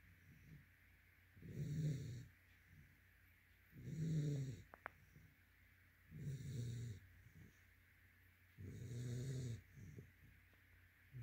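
Regular low, rumbling snores on each breath, with soft snorts between, about 25 breaths a minute; snoring in a sleeping dog.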